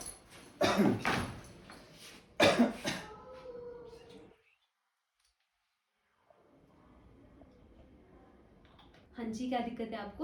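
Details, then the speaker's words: Acted cough by an adult character in a tuberculosis sketch: two loud coughing bursts, then pause and soft speech; later reports a week of cough, cold, weight loss, night sweats, evening fever, poor appetite. "अरे ये तो छोटी मोटी खांसी है। इसके लिए क्या कंसल्ट करना?"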